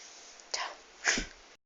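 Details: Two quick, sharp, hissing sneezes about half a second apart; sneezing.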